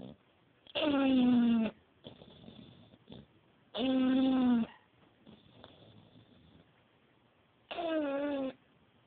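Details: English bulldog snoring.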